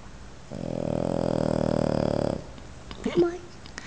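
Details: Animal snoring: one long, buzzing, fluttering snore on an in-breath, about two seconds, then quiet rustling.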